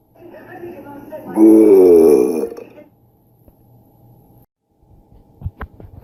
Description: She burps like a man lol...